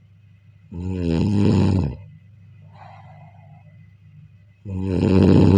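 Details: Two loud, vibrating snores on breathing in with a soft exhale between them, heard during sleep: snoring.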